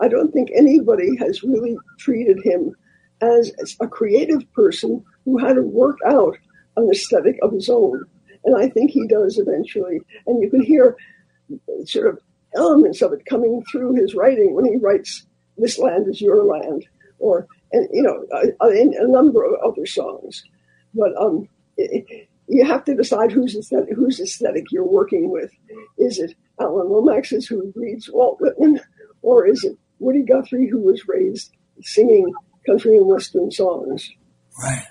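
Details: Dysphonia in a man after recent loss of a vocal cord, which was not caused by the polio he had in 1948.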